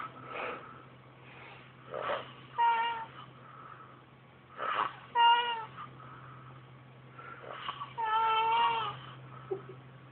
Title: Funny! Hilarious! My Friend Snoring Like a Dying Cat